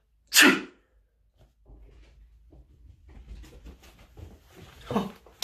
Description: My dog Poppy goes crazy when I sneeze!